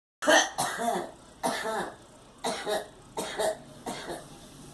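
A series of about six short, separate coughs from a child, each a sharp burst with some voiced tone, in a quiet room.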